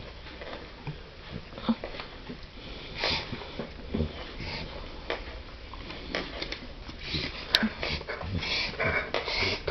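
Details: Dog having a reverse sneezing episode; owner asks what is wrong with it: repeated rapid snorting, sniffing inhalations in a small room.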